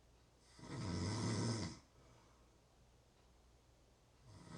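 One loud, rough snore, a quiet pause, then the start of the next snore. Snoring.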